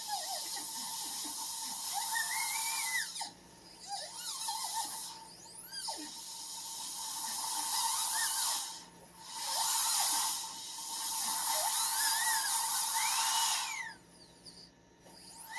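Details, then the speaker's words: High-pitched whine of a dental drill rising and dipping with brief pauses as a diamond bur trims excess tooth-coloured composite from the lingual side of a filling on tooth number 10. "I'm going to do a little bit of an adjustment with my diamond bur that I have right here just to get a little bit of the extra off there get a little bit off of the lingual"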